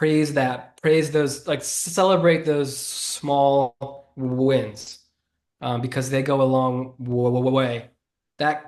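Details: Adult man who has stuttered since childhood and was bullied for it as a child; he says listeners can hear the stutter in his speech. Stuttering.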